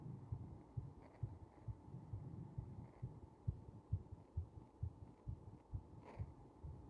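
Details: Heartbeat recorded during compression, with pressure against the chest: faint, fairly regular low thumps under a steady background hum, at a slightly slow rate.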